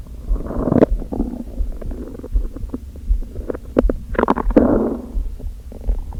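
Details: Hunger stomach growling (borborygmi) of an empty stomach after not eating all day. Gurgling, rumbling growls with squelchy pops.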